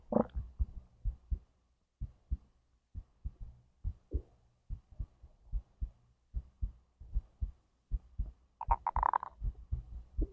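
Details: Normal heartbeat: steady, regular soft thumping with a few brief digestive gurgles mixed in, recorded alongside digestion from stomach to intestines.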